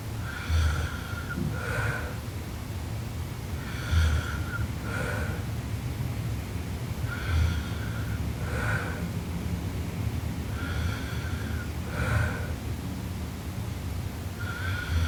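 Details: Sleeping Japanese girl, described as snoring super loudly: loud, rough snoring with paired snorting breath sounds every few seconds, about 18 a minute, against steady low room noise.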